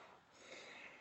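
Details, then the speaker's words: A veterinary lecturer's vocal imitation of a diastolic murmur: a soft breathy whoosh that begins with or after S2 and ends before S1. "so what we hear is diastolic murmurs occur in ventric diast so they occur after S2 so they begin with or after S2 and they end prior to S1 so what we hear"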